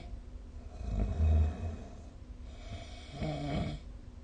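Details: Snoring during sleep recorded with the SnoreLab phone app: low, rattling snores on breathing in, in a quiet room.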